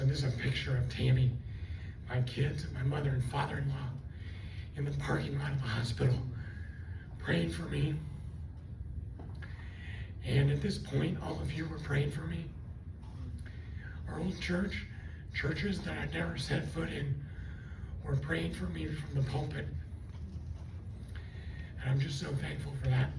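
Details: Adult after a left cerebellar stroke from a neck artery dissection, with the left vocal cord affected; the cords do not seal, so breaths are needed while talking; also lost swallowing function and was on a liquid diet for two months; dysphonia from unilateral vocal cord paralysis.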